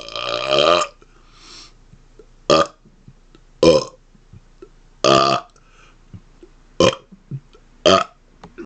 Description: Here are some of my rapid-fire burps in their 1st stand alone video! :)